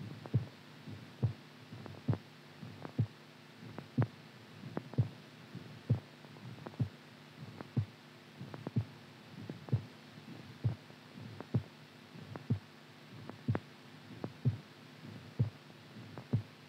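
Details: Low, muffled heartbeats at about 65 a minute with uneven spacing between beats over a steady low hum; irregular heartbeat.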